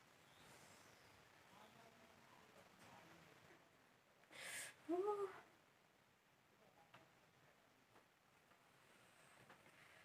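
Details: In a quiet room, a single sneeze with a brief intake, a sharp hissing burst, then a voiced 'choo', set off by tickling with a toothpick.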